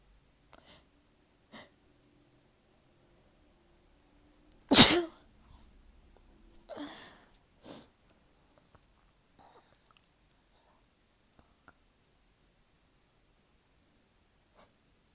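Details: Person with a stubborn blocked nose sneezing: one loud explosive sneeze in a quiet room, followed by two softer sneezes and faint breathing sounds; sneezing.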